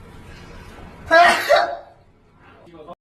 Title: Loudest sneeze in Kpop groups.